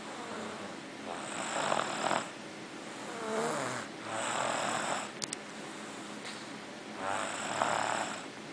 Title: The Boy Snores